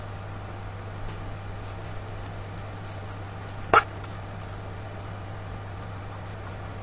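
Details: A guinea pig hiccups while eating parsley.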